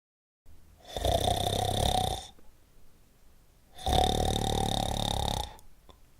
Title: Snoring Sound Effect